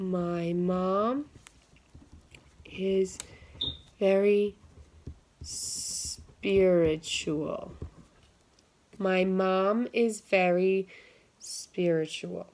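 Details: Simulated (acted) client in a stuttering modification therapy role-play, using breathing and slow-start techniques, with blocks while repeating a sentence; stuttering.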